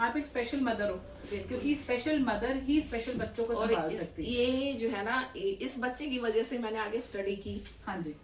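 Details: Adult woman speaking Hindi; normal speech.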